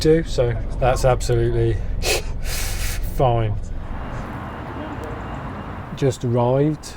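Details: Stuttering in an adult man who stammers, giving a talk on stammering.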